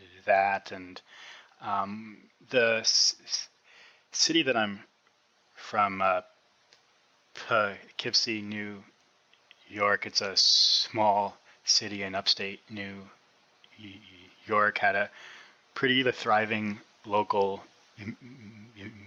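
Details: Adult man who has stuttered since about age six (first grade), already in speech therapy for articulation at onset, and still stutters; stuttering.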